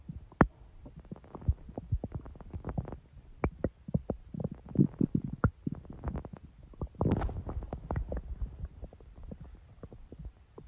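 Irregular gurgles, pops and low rumbles of a growling stomach, ordinary bowel sounds.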